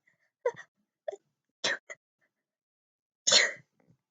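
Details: A person sneezes into a microphone on request: short voiced catches build up to one forceful, hissing sneeze burst, then quiet.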